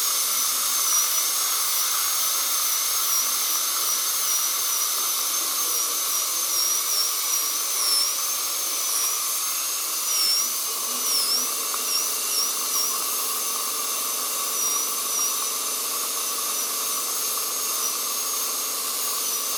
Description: Then don't listen to this terrible sound of a dentist drill with aspirator, it is extremely painful in the ears.